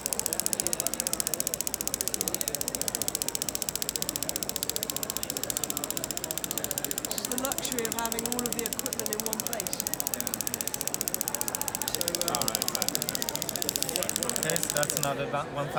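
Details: Storz radial shockwave device firing during treatment of an adult woman's chronic golfer's elbow (medial epicondylitis): fast steady sharp clicks about 220 a minute, faint talk underneath.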